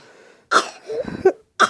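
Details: A 3-year-old child gives a very fake voluntary cough, two or three short, deliberate bursts with a sing-song voiced sound between them, while trying to get a spoon of cough syrup.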